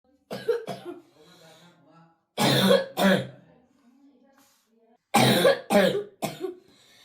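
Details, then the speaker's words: Boy whose cough began very young, with coughing attacks for about 8 years that have worsened over the last 4, coughs in harsh, repeated bursts; three allergists found no allergy; treated with trial corticosteroid drugs; chronic cough. "E çok küçüklüğünde başladı. 78 yıldır öksürük var ama 4 yıldır bu şekilde diyebilirim size."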